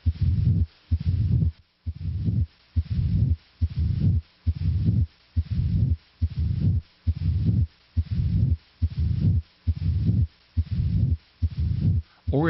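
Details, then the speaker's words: Mid-diastolic murmur of mitral stenosis: starts a short time after S2 and fades away. "a mid diastolic murmur as in mitral stenosis starts a short time after s2 it may fade away as heard here"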